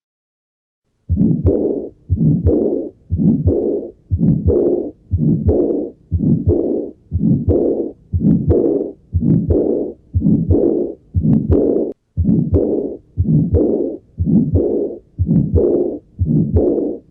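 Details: Pulmonary regurgitation murmur.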